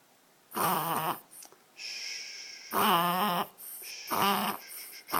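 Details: Dog having a reverse sneezing episode, described as easy to stop: repeated loud, honking, snorting inhalations.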